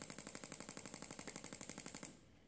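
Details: Rapid, even mechanical clacking about 10–12 pulses a second, then stopping: Shockmaster 300 Gymna radial shockwave device at 1.6 bar, 20 mm head, gel, treating grade 2 cellulite.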